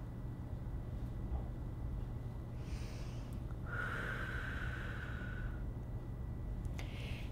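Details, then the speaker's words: COPD inhaler technique demonstration with a Genuair dry powder inhaler: a deep, strong breath drawn through the device, heard as a whistling rush of air, then a click as the control window turns from green to red. "که نفس دارین میکشین، این رنگ کنترل از سبز به قرمز تغییر میکنه و شما یک صدای کلیکی هم میشنوین."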